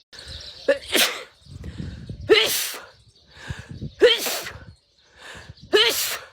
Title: Beautiful Indian woman sneezing tiktok edit loop for 1 ½. #sneezingfit #snot #edit #beautiful #achoo